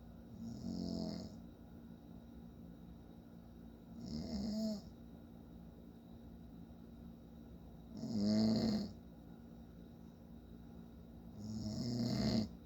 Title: My dad snoring again